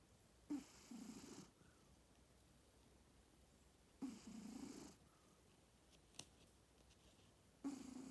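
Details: Soft, rough snoring about every three to four seconds from a sleeping cat in a quiet room; ordinary sleep snoring.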